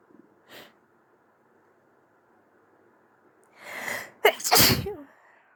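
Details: Several false starts, then a soft catch of breath, a pause, a sharp inhaled build-up and two quick soft sneezes, the first odd-sounding; a little nose blow and tissue wiping at the end; ordinary sneezing.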